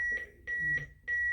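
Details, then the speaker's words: AED metronome giving steady electronic beeps about 0.3 seconds apart, roughly 100–110 a minute, pacing chest compressions during an AED and CPR training class. "so this beeping what do you think that is [Music] it is the rate that we're doing cprn almost every aed has that metronome in it"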